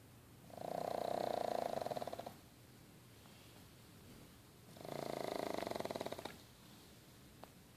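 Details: Pug dog snoring: two long, buzzing, rattling snores a few seconds apart, about eight breaths per minute, typical of a sleeping flat-faced dog.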